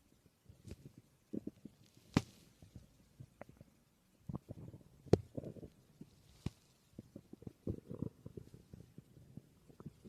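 Quiet, irregular gurgles and pops, with a few sharper clicks, stomach growling from gas and fluid moving through the gut.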